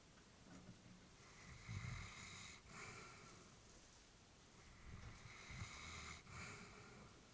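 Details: Elderly female Labrador asleep, family worried about her health; soft, steady snoring breaths with a low rattle, about 15 breaths a minute, snoring during calm sleep.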